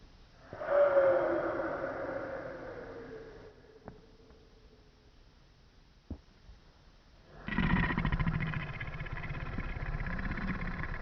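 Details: Simulated snoring: a daughter imitating snores while the subject naps, played in slow motion, with drawn-out rumbling breaths, one long fading snore, a quiet gap, then another loud rattling snore.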